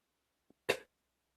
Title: #24 another hard coughing